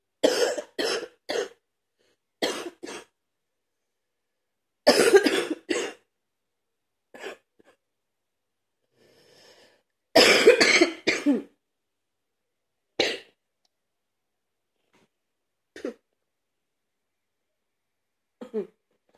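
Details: Adult man coughing while cleaning his truck, illness not getting better: repeated bursts of dry coughing in clusters of two to three, about a dozen coughs, in a quiet room.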